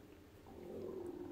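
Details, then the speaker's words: A soft, low gurgling stomach rumble swelling over about a second, heard during a livestream; the speaker remarks her stomach growled and is embarrassed. Ordinary borborygmi from gas and fluid movement. "お腹鳴ってる、グルグルグルって言った、恥ずかしい。"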